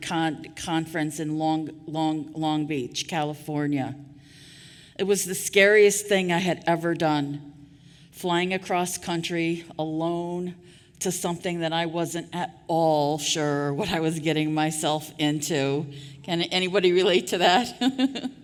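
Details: Adult woman who stutters, formerly a covert stutterer for years; repetitions of sounds, words and phrases heard; stuttering.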